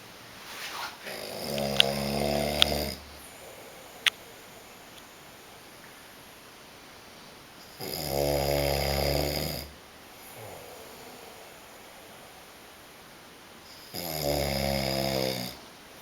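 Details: Heavy snoring: loud rattling snores about every six seconds, roughly ten breaths a minute, with quiet gaps between, in a small room.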